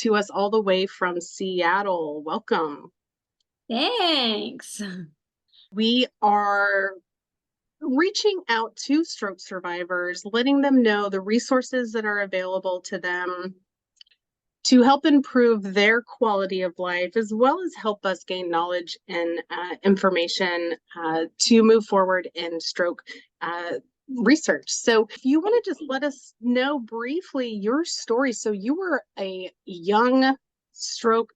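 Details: Adult woman speaking; no speech disorder.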